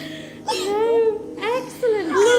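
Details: Newborn girl just after an unmedicated vaginal birth, placed on her mother's chest: short, strong, high-pitched wailing cries in a quiet room; a vigorous normal newborn cry.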